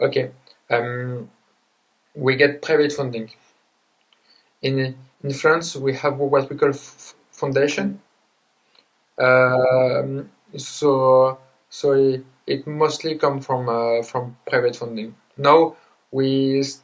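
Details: Adult man who grew up with severe stuttering plus dysgraphia, dyspraxia and ADHD, speaking English with word repetitions and hesitations: stuttering.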